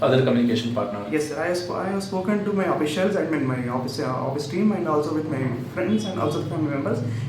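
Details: 32-year-old man, pre-therapy sample; high-pitched voice persisting after puberty, which the clinician believes converted into spasmodic dysphonia through vocal abuse; previously had 1-2 months of therapy with each of three other therapists. Spasmodic dysphonia.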